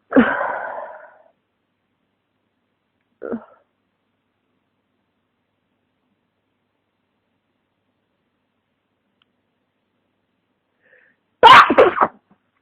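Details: Person with flu and congestion sneezing: three separate sneezes in a quiet room, the last the loudest and sharpest.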